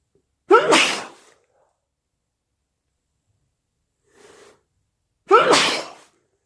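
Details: Person with a cold: two loud sneezes with a soft sniff between them.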